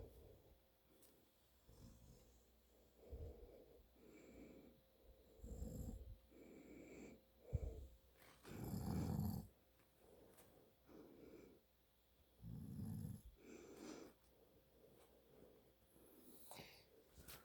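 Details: Adult man snoring in sleep; repeated rough, rattling breaths about every two to three seconds, with a louder snort: snoring.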